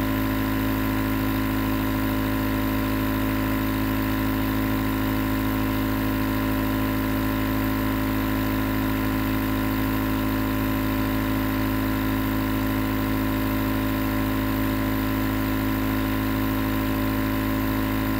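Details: Steady mechanical hum with a fast rattling pulse, continuous throughout: a nebulizer compressor running, recorded as 20 minutes of white noise for sleep and relaxation.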